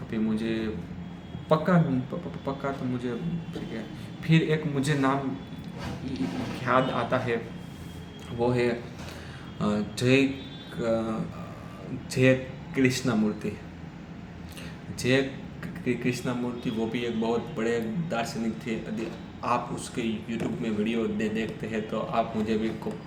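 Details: Adult man who stammers, speaking Hindi on day 7 of a daily fluency practice routine with breathing exercises; he stammered earlier that day on the phone; stuttering.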